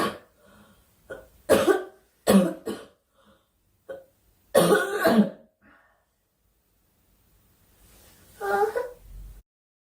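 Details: Girl coughing during a live stream, wishing aloud for the cough to stop: repeated short, dry-sounding coughs and throat clearing in several bursts, about eight over ten seconds; recurrent cough.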